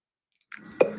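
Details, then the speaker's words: Patient with palatal tremor and involuntary movement: after silence, a soft wet sound then one sharp click; objective tinnitus clicks from palatal tremor. "mira, oyes los clics, y existe aquí mira, este movimiento involuntario en esta región, ¿está bien? Y aquí mira, mira el sonidito que hace. El movimiento involuntario."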